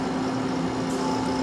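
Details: Caire Companion 5 stationary home oxygen concentrator (flow up to 5 L/min) just after switch-on, flow set near 5 L/min: a steady, low motor hum with a constant tone.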